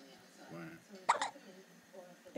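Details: Infant girl: a soft voiced sound, then two abrupt, sharp catches in quick succession, over quiet background voices: infant hiccups.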